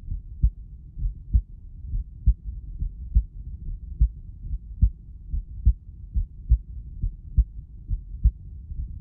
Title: To make a recorded heartsound better